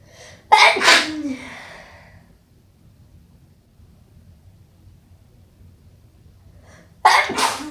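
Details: Strong wet sneezes: a brief catch of breath, then a loud, forceful sneeze; after a quiet pause, a second strong sneeze begins.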